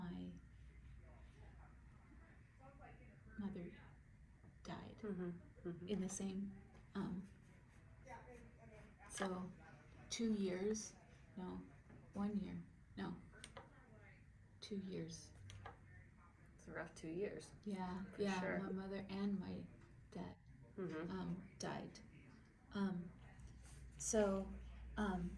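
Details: Highly educated woman with significant aphasia after stroke; strong comprehension, verbal expression hardest; paraphasias with self-correction; recorded about four or five months before the presentation. Aphasia after stroke.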